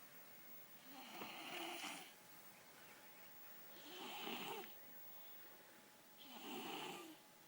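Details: Paula, sleeping on the floor, snoring loudly: three slow, rough, rasping breaths about every two and a half seconds, roughly 24 a minute; snoring.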